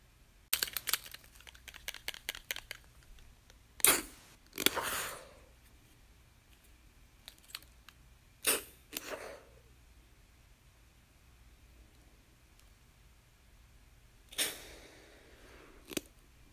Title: Puffing Asthma Inhaler Sounds Respiratory Puff Noises | Film & Sound Effect